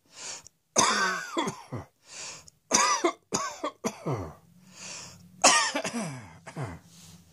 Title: Cross Dressing Coughing 80